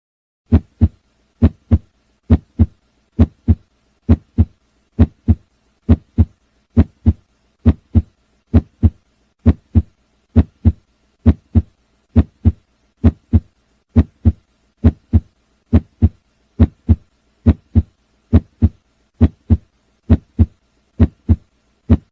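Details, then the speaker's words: Heart heard through a stethoscope in a demonstration of listening to heart and breath sounds: a steady, regular lub-dub at about 67 beats per minute; normal heart sounds. "तो लिए हम सन के देखते हैं कैसा heart sound और breaking sound का voice आता है"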